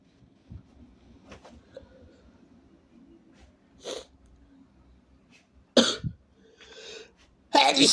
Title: i caught a cold ! big sneezes ; snot alert (he/they)